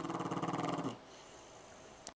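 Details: A French Bulldog's rapid rumbling, purring breath noise on inhalation while lying on a couch, then quiet; he snores loudly most nights: snoring.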